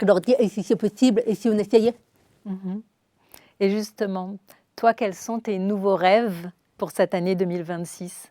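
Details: Adult woman speaking French; ordinary speech.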